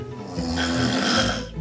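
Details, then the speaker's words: Adult woman at an overnight sleep clinic snoring study, her snoring likened to an air conditioning unit. One loud, harsh, droning snore on an in-breath, with faint music underneath; heavy snoring. "snores as loudly as an air conditioning unit, but partner Dave is struggling to keep his cool. That's how she sounds."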